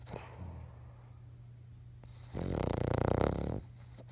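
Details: A sleeping King Charles spaniel, possibly dreaming, breathes quietly with faint sleep noises, then gives one loud, rattling, fluttering snore lasting over a second; snoring.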